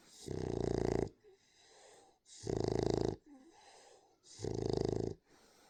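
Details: Loud, rattling snores from a sleeping dog, three in under six seconds, with quieter breaths between them: snoring.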